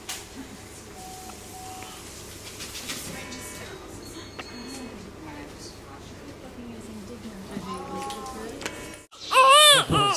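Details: Infant with hiccups after a feed, fussing then crying: room noise with faint fussing, then a loud burst of infant crying near the end.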